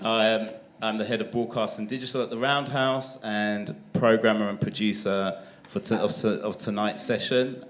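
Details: Adult man; Normal speech.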